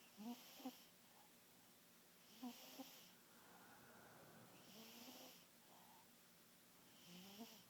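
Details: Large sleeping animal snoring fast and steadily, about 28 breaths a minute, with squeaky snorting inhalations and airy exhalations over faint room noise.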